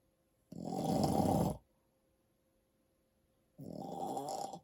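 Two loud, rattling, fluttering snores about a second long with silence between; typical loud snoring in sleep.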